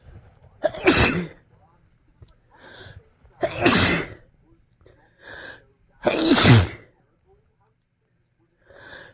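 Three loud explosive sneezes separated by quieter breaths and sniffs; ordinary sneezing.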